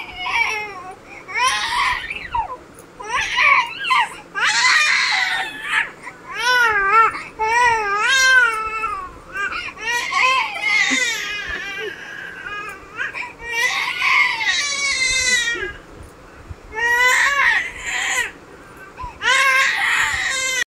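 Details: A baby cries in repeated wailing bursts with short breaths between them, in a small room.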